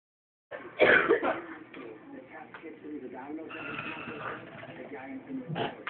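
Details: Harsh coughs and throat clearing from an adult right after a hit from a four-foot bong, a reflex response to irritating inhaled smoke.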